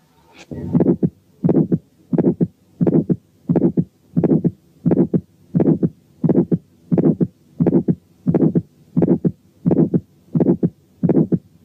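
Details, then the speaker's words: Aortic stenosis, heard at the first aortic area with the diaphragm: a regular heartbeat near 87 per minute, with an ejection click and a harsh ejection systolic murmur. "7 كان ايورتيك ستينوزيس عامل ايجكشن كليك وايجكشن سيستوليك ميرمر."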